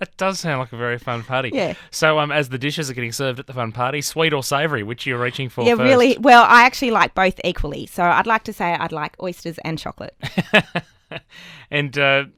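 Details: Adult speakers in conversation; typical speech.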